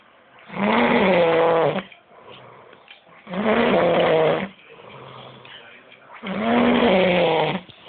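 Loud, rattling snores on each in-breath with quieter exhalations between, about 21 breaths a minute; heavy snoring.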